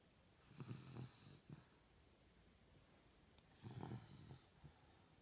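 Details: Sleeping Beagle: two low, rattling snores about three seconds apart, each with a fluttering inward rumble and softer tail, in a quiet room; snoring.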